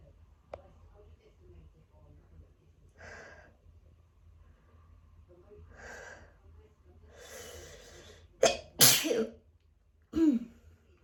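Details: Sneezing fit in an adult just back from a walk, attributed to grass/flower pollen: soft breathy build-up then three forceful sneezes in quick succession, leaving them lightheaded.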